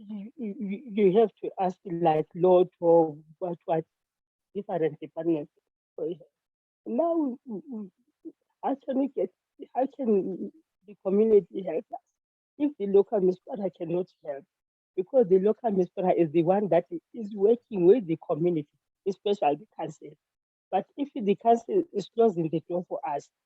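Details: Stuttering (stammering) in an adult woman, self-reported, during spontaneous speech.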